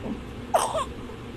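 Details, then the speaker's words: Infant aged 2 months or younger with a rattly cough (halak), possible respiratory infection: a brief, harsh infant cough over background noise. "Pero kapag ganyan na po yung ah ubo niya yung Halak na naririnig niyo dito Baka meron ng problema yan"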